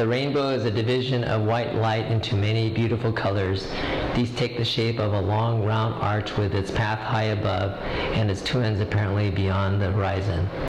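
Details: Adult male cardiologist with left vocal fold paralysis from left recurrent laryngeal nerve injury during open heart surgery (CABG), after in-office awake carboxymethylcellulose injection augmentation medializing the left fold; voice improved; reading the Rainbow Passage.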